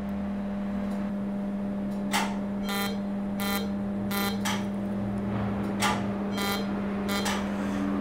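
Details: Over a steady machine hum, short crackling snaps in bursts as a pulsed CO2 laser treats facial sun damage (heliodermia) on a former smoker's face.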